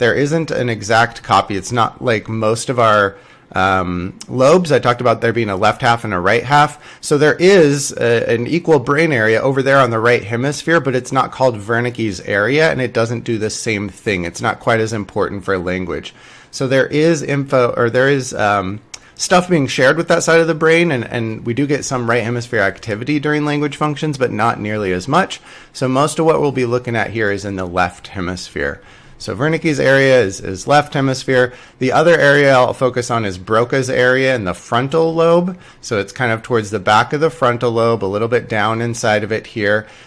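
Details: Adult lecturer; normal speech.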